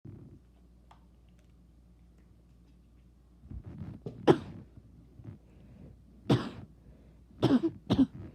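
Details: An adult with a bad cough gives about four sharp, harsh coughs in a quiet room after a few seconds of near silence.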